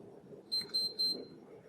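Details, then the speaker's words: Three short high-pitched beeps from a Moog EnteraLite Infinity enteral pump as a home tube feed starts after pressing run/pause; a wheel with "run" shows the patient is being fed. "pump will beep and a little wheel indicating uh with the with the word run in in the middle will indicate that you are feeding the patient"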